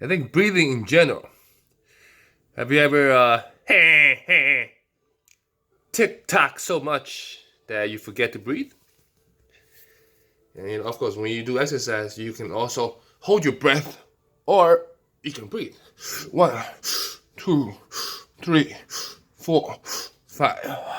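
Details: Adult man with Tourette syndrome with facial and vocal tics, including a loud throat noise and repeated interjections such as 'hey'; coprolalia as a teenager; vocal tics (Tourette syndrome).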